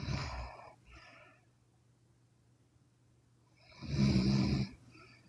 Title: Sleeping Chinese Women Snoring (CWN) Part 3